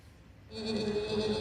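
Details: Essential voice tremor, with rhythmical phonatory breaks in a sustained vowel.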